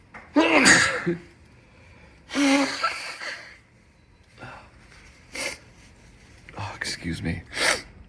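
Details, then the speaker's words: Two forceful sneezes followed by short sniffs and nose-blowing, in a person who says they have a cold with sneezing and a slight cough; sneezing. "Oh my goodness, excuse me. I think I need to sneeze. Excuse me, sneeze again. I need to get some tissues."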